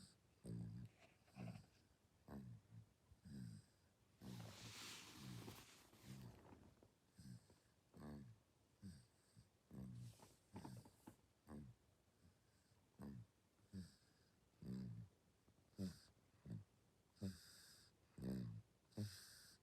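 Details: A sleeping 6-month-old baby, on day 194, gives soft, regular snorting snores with each breath, about 30 a minute, in a quiet room; infant snoring.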